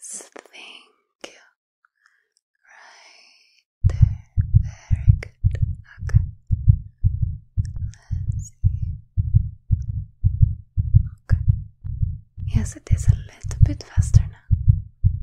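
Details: Steady, regular heartbeat at a brisk rate of about 113 beats a minute with soft whispering over it, in a simulated ASMR role-play heart exam of a star athlete; normal heartbeat, faster rate.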